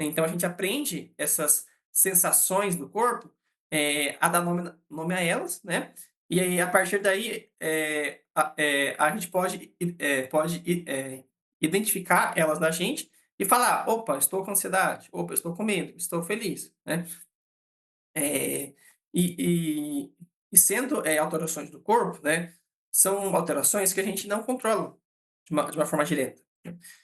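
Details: Adult man, a psychologist who states he himself stutters, speaking Portuguese; real stuttering.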